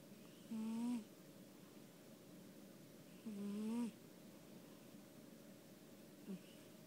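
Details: Cat sleeping on owner's lap: faint, whistling, squeaky snores, two clear and a brief third, over steady room hum: snoring.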